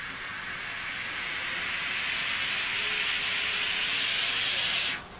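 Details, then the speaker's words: V60 non-invasive ventilator during the pre-use circuit test, before a patient is connected: steady airflow hiss grows louder as the flow ramps up, then cuts off abruptly. "glued the circuit start the test as bar comes up and we'll hear ramping up the flow"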